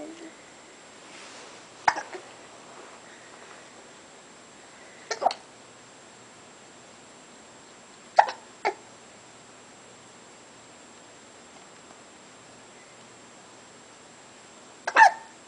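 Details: Hiccups in a 3-month-old baby: short, sharp hiccups at irregular intervals, about five in fifteen seconds, in a quiet room; an ordinary bout of hiccups.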